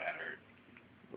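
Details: Drunk man with forceful hiccups after drinking Jameson whiskey and roughly a 12-pack of beer: abrupt, angry hiccups amid conversation and laughter.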